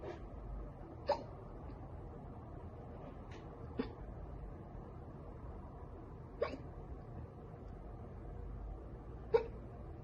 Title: Girl gets hiccups from soda.